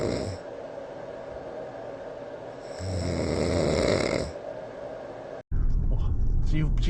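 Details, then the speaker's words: An adult man's loud snoring, recorded overnight by a sleep app before he treated it (snore score about 89), with white-noise machine background: low, rough rumbling sleep breaths rising and falling. "那首先这个部分呢是 App 记录的，就改善前我的分数大约是89分，对，然后可以听一下这个打呼声。"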